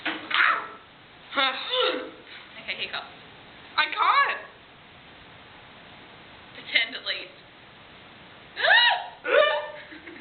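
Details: Woman with hiccups: sudden short voiced catches every second or two among giggles and laughter; hiccups still ongoing.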